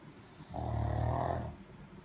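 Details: Sleeping, dreaming pug: one low, rumbling snore lasting about a second between quiet breaths. Ordinary snoring from a flat-faced dog.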